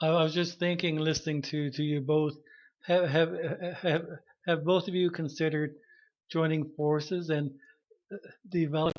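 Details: Adult male podcast host speaking with word repetitions: stuttering.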